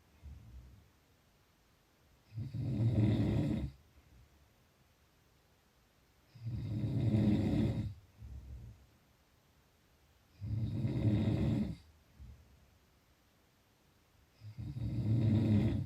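Loud, low, rattling snores on each in-breath, about 15 a minute, with quieter out-breaths between. Snoring.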